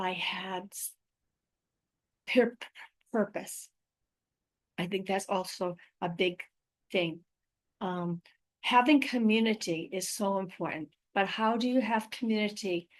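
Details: Adult woman with aphasia, apraxia of speech and dysarthria after a stroke in May 2019; real patient speaking about her own condition.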